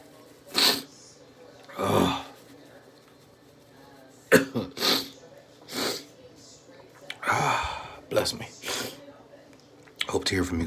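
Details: About eight explosive induced sneezes with sharp onsets and hissy noise, from a person with a stuffed nose, a constant tickle and sneezes that had been getting stuck; sneezing in a small room.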